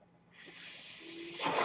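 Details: Speaker's own mechanical ventilator, heard in the background while talking on a podcast: a mechanical ventilator breath cycle.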